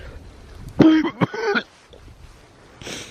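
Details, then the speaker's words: Adult camping overnight in a hammock in freezing winter weather, awake at 4:20 a.m. after a sleepless night, gives three short, harsh coughs in quick succession; says he keeps coughing and blames the cold; faint outdoor background. "But I mean, you can hear from my cough that it's pretty cold out, guys."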